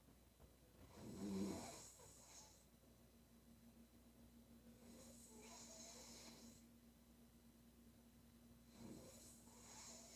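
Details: Female sleeper snoring: breathy snores with a rough, rattling start, about every 4 seconds (around 15 breaths a minute), with a faint steady hum behind.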